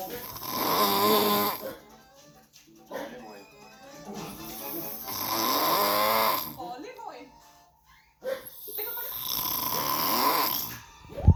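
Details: Grandpa snoring: loud, rough, buzzing snores with quiet breathing gaps between, about three in the clip, with some voice-like tone mixed in.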